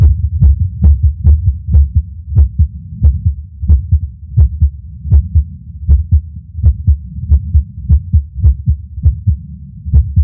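Heartbeat at about 75 to 85 a minute with uneven spacing and occasional pauses, fitting an irregular rhythm with skipped beats.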